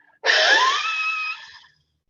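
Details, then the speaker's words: Wheeze in asthma: a single drawn-out breath with a high-pitched musical whistle from narrowed, obstructed airways, with a prolonged breathing-out phase. "so a wheeze is a high-pitched whistling type of sound so it sounds like this"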